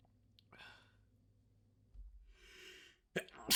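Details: Sneeze fit: two airy, hissing sneeze bursts ending in a sharp, louder sneeze, released in full force.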